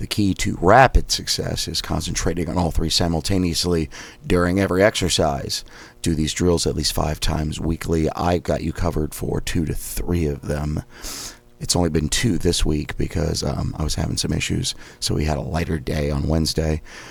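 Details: Adult male with self-described spasmodic dysphonia and a suspected third vocal fold polyp (two previous polyps), with raspiness, doing daily voice exercises possibly using a Forbrain device; spasmodic dysphonia.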